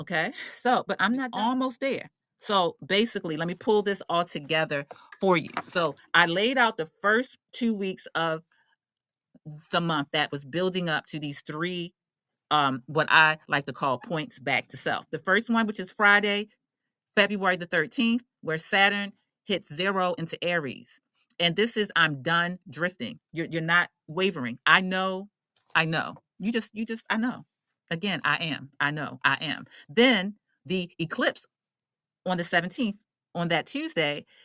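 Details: Adult woman who identifies as a stutterer and works on her speech confidence, with repeated words and phrases; stuttering.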